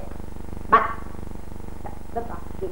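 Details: Patient with generalized tic disorder (Tourette syndrome), a rapid hyperkinesis with rough facial and speech-motor tics, attributed to relative dopamine excess or postsynaptic hypersensitivity; haloperidol brought near-complete resolution and restored speech; vocal tics.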